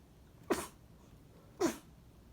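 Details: Baby sneezing: two quick, soft sneezes about a second apart; the baby also has hiccups.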